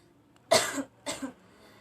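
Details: Acted cough by a student in an English dialogue, character coughing for less than a week: two short, breathy deliberate imitation cough bursts in a quiet room.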